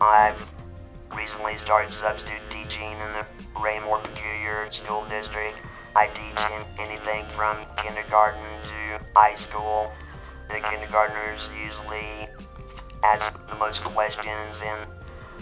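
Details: Man with total laryngectomy about 15 years ago, speaking with an electronic device replacing the vocal cords; electrolarynx speech after total laryngectomy.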